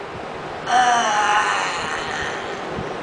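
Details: Patient with amyotrophic lateral sclerosis (ALS) and mixed dysarthria with spastic features, producing a sustained 'ah' vowel after lifting the head in a speech therapy session.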